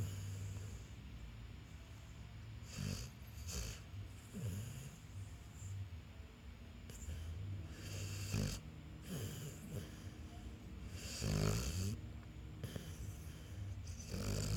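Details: Maui, a sleeping dog, snoring with low rumbling breaths and occasional snorts over a steady background hum.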